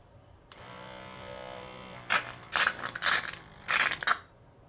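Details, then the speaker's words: Soft electric motor hum, then bursts of wet sputtering suction as a CVS electric baby nasal aspirator, demonstrated, draws up thick gel used in place of mucus; electric nasal aspirator suction. "And let me just give this one a try. No special sounds, no special lights on this one."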